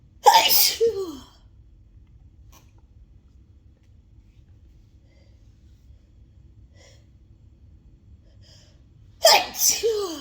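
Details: Two loud, explosive, wet sneezes about nine seconds apart with a quiet pause between them, part of an intense sneezing fit.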